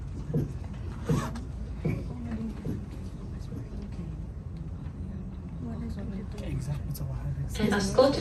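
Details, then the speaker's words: Blood pressure measurement with cuff and manometer demonstrating Korotkoff sound phases: soft rhythmic tapping thumps that grow muffled and softer near diastolic pressure, then disappear. "in the following example please listen for the various faces of the crot cough sounds while you observe the reading on the monometer"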